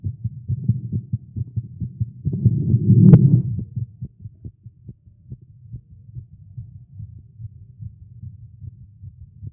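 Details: Male heartbeat recorded live after exercise and caffeine: fast, somewhat uneven thumping at roughly 130 beats a minute, with a rumble of noise partway through, a rapid heartbeat (tagged irregular heartbeat).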